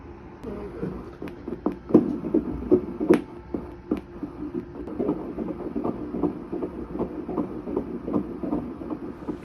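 Rapid rhythmic whooshing pulses of a fetal heartbeat on ultrasound, roughly 150 beats a minute, with faint room noise.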